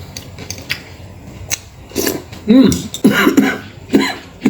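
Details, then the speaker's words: A few short, harsh coughs with throat-clearing from a man choking slightly while eating a chicken fillet with sauce, in a small room; cough. "jos sak Jose guys sampai batuk sak Jose enak banget guys"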